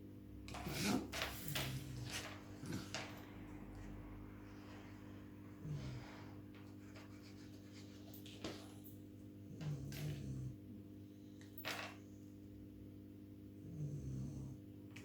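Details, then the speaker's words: Sleeping dogs: soft, low snoring about every four seconds, under rustling and tapping of craft work. "On entend les chiens ronfler, toujours. Ils ont la belle vie, hein, moi je vous dis."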